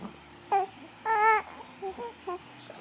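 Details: Baby girl bothered by repeated hiccups: short fussy cries and whimpers in a quiet room; brief infant crying.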